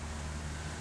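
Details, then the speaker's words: Product demonstration of a BM2 phlegm suction machine (4.4 kg, 1,000 mL collection bottle) running continuously; suction machine running. "เอาแบบนี้เลยนะครับดีหรือไม่เราก็ปิดจุกตรงนี้ก็ได้นะครับเครื่องก็จะดูดไปเรื่อยๆนะ"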